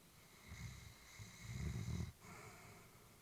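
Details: Elderly female Labrador, about whom the family was worried, sleeping peacefully: soft, low rumbling breaths in and out, a gentle snore. Snoring.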